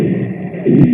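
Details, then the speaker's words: Chest auscultation teaching recording: brief continuous musical, whistling breath sound heard mainly on expiration, suggesting airway narrowing; wheeze. "โอเคฮะวิซาวเนาะจะได้ยินในช่วงของการหายใจออกนะครับ"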